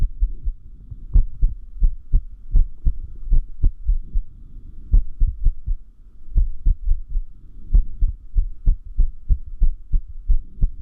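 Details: Heart sounds with uneven spacing between beats, including pauses and early beats: an irregular rhythm (arrhythmia); the person notes the arrhythmia increases when sleep-deprived.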